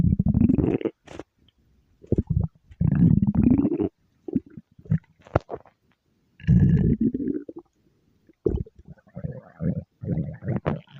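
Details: Stomach growl: low rumbling and gurgling bursts with pauses; ordinary bowel sounds (borborygmi).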